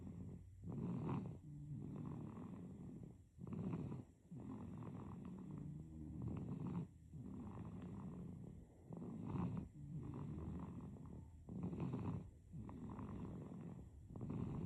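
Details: Sleeping baby snoring: soft, rhythmic, rattling snores on each breath, about 22 breaths a minute.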